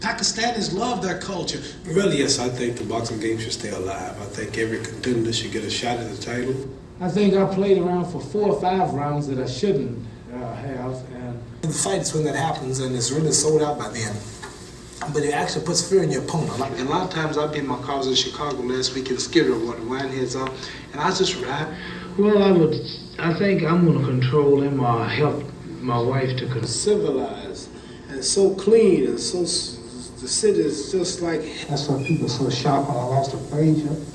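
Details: Adult man's interview speech samples from 1968 onward in time order, showing speaking rate falling from about 5.1 to 3 syllables per second and reduced articulatory precision; parkinsonism diagnosed in 1984, last sample after diagnosis: hypokinetic dysarthria.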